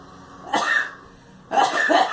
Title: Girl coughing